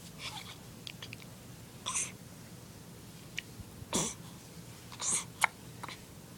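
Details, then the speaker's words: Baby girl with hiccups, also sneezing in the recording: several brief, sharp, breathy hiccup sounds about a second apart over quiet room noise; hiccups. "the hiccups oh man I'm stinking hiccups"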